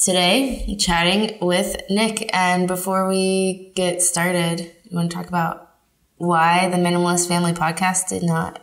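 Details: Adult woman speaking; Normal speech.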